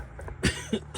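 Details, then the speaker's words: Adult with a cold coughing while working on a car engine: one loud, harsh cough burst with a smaller follow-up sound over a low engine-like rumble. "I sound like a smoker the way I'm coughing. I can't wait to get rid of this cold."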